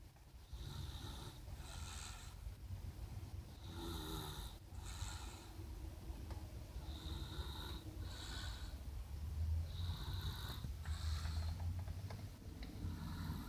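Low rumbling noise with repeated rough, rattling breath sounds through the clip; snoring during sleep.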